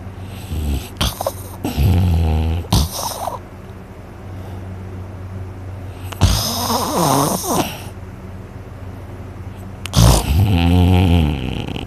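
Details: Person asleep, very tired after a day of hunting, with a very sore throat afterwards: loud, rough, rattling snores on the in-breath, with quieter breathing between: heavy snoring.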